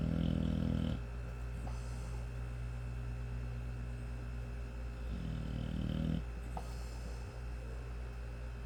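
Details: A 5-month-old American Bully puppy asleep, snoring with deep, fluttering snores on inhalation about every five seconds over a steady low room hum: ordinary snoring.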